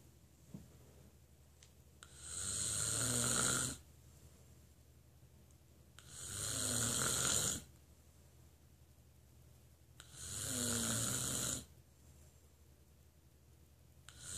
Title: snoring